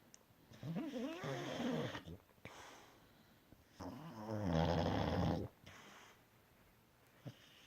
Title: Bob the snoring Boxer